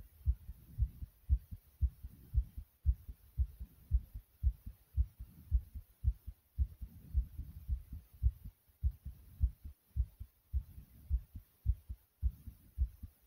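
Strong, deep, regular paired thumps, around 110 beats a minute, with short breaks in the recording; a pounding heartbeat.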